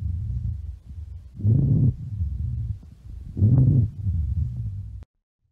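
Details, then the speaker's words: Nursing teaching example of rhonchi: a low-pitched, snore-like rattling rumble through breathing, swelling in two phases, from mucus secretions or obstruction in the bronchi rather than the alveoli. "This one's described as a low-pitched rattling or rumbling, kind of like a snoring located in the bronchi, not the alvoli here."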